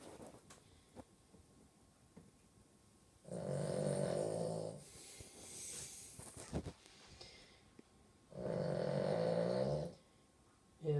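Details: Very loud snoring from a sleeping dog: two long, loud, rattling snores with quieter breathing between them.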